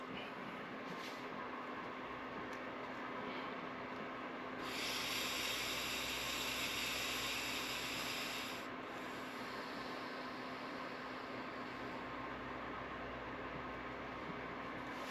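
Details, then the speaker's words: Person breathing through a resistive respiratory muscle trainer mouthpiece, inhaling and exhaling: a steady airy hiss with a louder, harsher stretch of rushing air against the resistance valve. "You're just going to inhale, exhale, and that's it. Just put the mouthpiece in. Inhale. Exhale."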